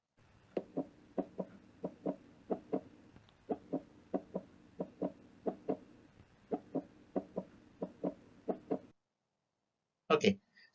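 Crisp paired heart sounds, lub then dub, at roughly 90 a minute: normal first and second heart sounds.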